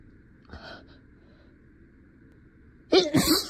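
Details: A faint stifled burst, then a sharper double sneeze near the end, partly held back while acting out a lawyer's courtroom speech; the sneezer was stuffy.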